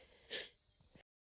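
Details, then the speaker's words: One soft hissing sneeze followed by faint breathing, at 4:16 am, from a hoarse-voiced person with a runny nose triggered by temperature changes and humidity. "Bon les rêves, 4h16, comme vous pouvez l'entendre, j'ai la voix enrouée et attendez, je vais éternuer."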